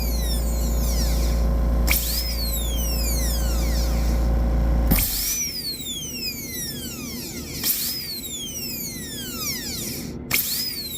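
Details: Repeated rising and falling whine of a dental handpiece starting and stopping over low room hum while rounding corners of a class II DO amalgam preparation on a maxillary first premolar, a bench exercise.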